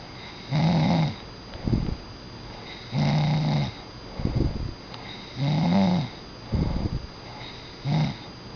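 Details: Rhythmic snoring from a sleeping dog: a buzzing snore on each in-breath, then a shorter breathy rush out, about 24 breaths a minute.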